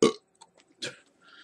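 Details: Two loud, rumbling burps about a second apart, with faint noise between, after chugging a cold Four Loko drink.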